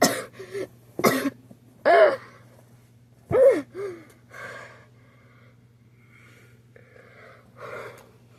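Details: Several loud, harsh cough bursts, some rough and throaty, then quieter breathy coughs and breaths, from a person who is still sick with an illness; repeated coughing.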